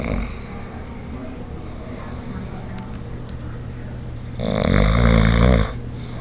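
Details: A loud, rattling snore on one in-breath after a quieter stretch from a bearded adult man asleep; heavy sleep snoring.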